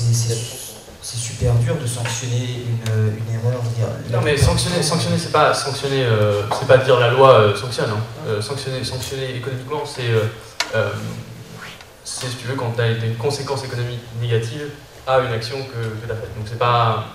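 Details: Adult man speaking French; normal conversational speech.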